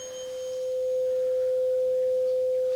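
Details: Simulated ear exam in an ASMR role play: a single clear, steady ringing tone from a struck tuning fork, used to check which ear hears it and compare hearing between the two ears.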